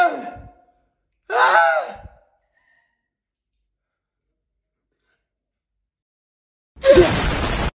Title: How Thugs Sneeze